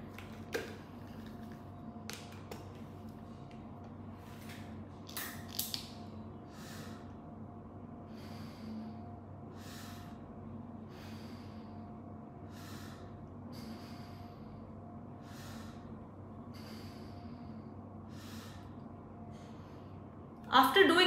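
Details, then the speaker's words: Pressurized inhaler used with a spacer: after the puff, repeated deep breaths in through the mouthpiece and slow release through the nose, about five to six times, until the medicine in the spacer is inhaled. "after pressing of the inhaler you can take a deep thorough breathing through your mouth and release the breath slowly through your nose after which you have to repeat the same process around five to six times till the entire medicine circulating in the spacer is inhaled"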